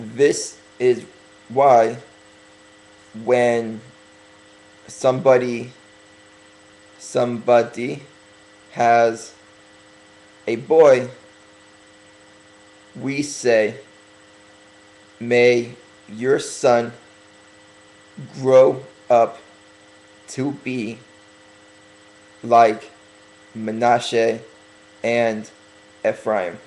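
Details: Stuttering in an adult man who has been deliberately speaking slowly for a few weeks as part of correcting it; long pauses between short phrases.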